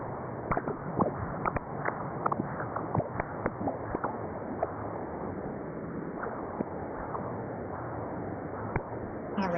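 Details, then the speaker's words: Transcranial Doppler bubble study in a 54-year-old man whose earlier transthoracic echo bubble study was negative: steady flow whoosh broken by many sharp chirps and clicks clustered early, microembolic signals indicating a right-to-left shunt. "I'm going to play it again just so that you can see and hear the deflections. It makes it really really obvious for the interpreter."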